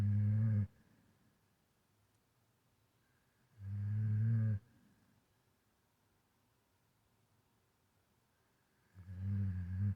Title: Nova Beasty nap time snoring.#family #pitbulldog #doglover #funny #pets #animals